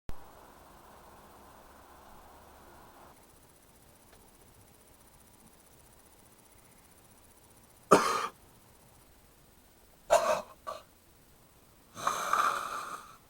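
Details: Adult with a bad, persistent cough: about four harsh cough bursts after a quiet stretch, the last longer and rougher.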